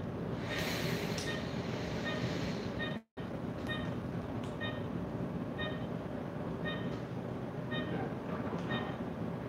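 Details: Pulse oximeter on the earlobe beeping at about 60 a minute over steady room hum, spacing drifting faster then slower with slow breathing: normal respiratory sinus arrhythmia.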